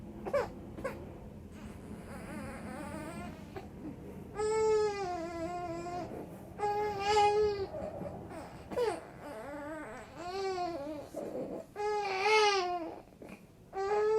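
Repeated wailing cries from an infant, rising and falling, with short pauses and whimpers between them in a small room.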